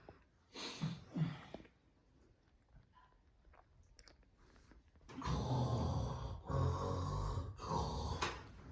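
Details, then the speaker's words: Simulated snoring: a son fakes snoring as a prank on his father at night in a small room. Loud, rough, rattling snores come in long bursts with pauses, and the father complains and tells him to sleep. "अरे भाई नींद आ रही है, क्यों खर्राटे भर रहा है? आराम से सो जा।"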